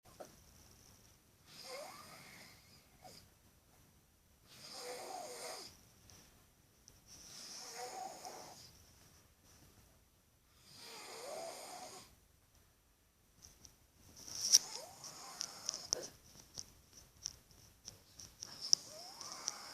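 Soft, airy breathing noises recur about every three seconds in a quiet room, with a faint whistling edge: light snoring.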